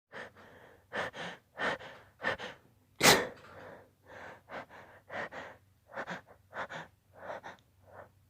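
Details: Suppressed sneezes: a rapid run of short, muffled sneezes held back at the mouth and nose, one bursting out louder.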